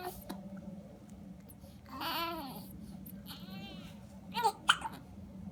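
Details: Twins in a hiccup battle with a few sneezes: soft babbling and vocal sounds, then two short, abrupt gulping hiccups close together near the end.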